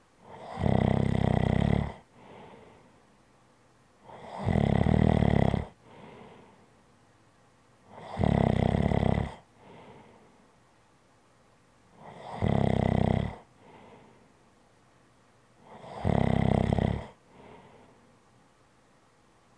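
Five loud, low rattling snores on breathing in, each followed by a soft breath out, about 16 a minute, in a quiet room. Snoring.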